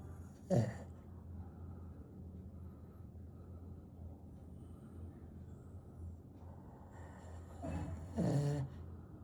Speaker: This is the guy who's snoring.